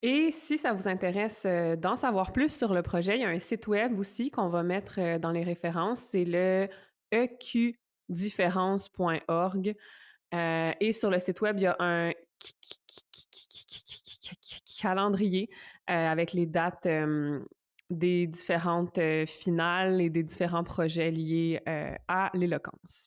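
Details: Stuttering in an adult, a French-speaking podcast co-host who stutters; her own speech is heard with stuttering.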